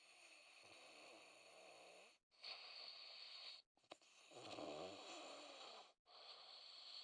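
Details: Recorded winter 2012, before ITB: rough, rasping breathing in long phases separated by brief pauses; snoring.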